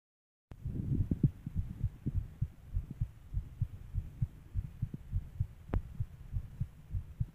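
Steady low thumping heartbeat at roughly 100 beats a minute, on the fast side; a rapid heartbeat.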